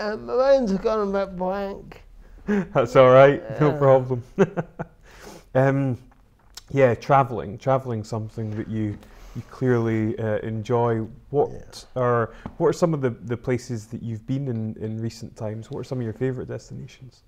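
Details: Adult male interviewer; typical speech.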